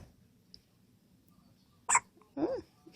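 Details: One-day-old baby with the hiccups: one sharp, brief hiccup-like catch followed by a short squeak in a quiet room.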